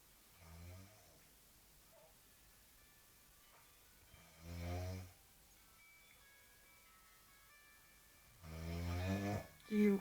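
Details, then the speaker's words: Sleeping woman's severe snoring, filmed unedited as real, continuing even with the light switched on: loud, rough snores on each in-breath, spaced several seconds apart, with faint background sounds; heavy snoring. "Мальчики, берегитесь. Если вам достанется такая жена, то вы спать не будете по-любому, потому что сейчас не спим мы."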